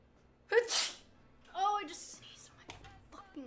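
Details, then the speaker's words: Two ordinary sneezes from a person who said they felt a sneeze coming. Each has a voiced intake and a hissing burst, followed by brief speech. "Oh my god, I have to sneeze. I really actually have to sneeze right now. I feel it."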